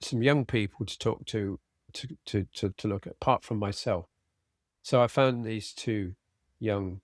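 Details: Adult man with aphasia after a sudden stroke, treated with speech therapy and his wife's flashcard practice; he still has word-finding difficulty, cannot read a script and tires as the day goes on. Finding: aphasia.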